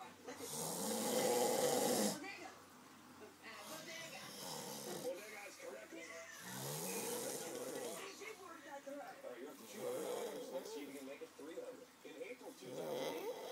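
Rough, rattling snores at about 4 breaths per 15 seconds, with faint talk in the background; ordinary snoring.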